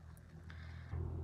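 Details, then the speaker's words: Brief, low, buzzing rumble swelling near the end in a quiet room: a sleeping French bulldog snoring; snoring. "Храпунчик, да. Они такие все. У меня французский бульдог. И они все такие храпуны."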